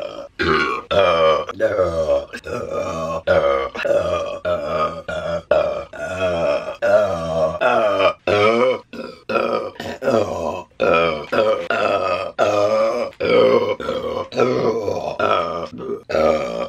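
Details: Repeated loud, low, voiced belches from a burp compilation, one after another with brief pauses between them: burping.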